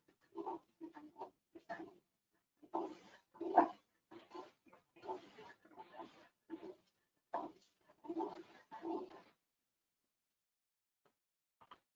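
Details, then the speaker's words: Young boy in a child health assessment example with noisy breathing and repeated musical, whistling sounds, mostly on expiration; not stridor; wheeze. "Por lo tanto, decidimos que no tenía estridor, que es un ruido áspero al inspirar. Este niño tiene sibilancia al expirar."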